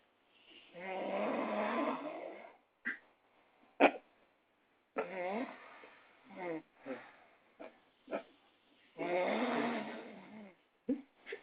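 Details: Person asleep at a friend's house: two long, rough snoring breaths about seven seconds apart, with quieter snorts and clicks between; loud snoring.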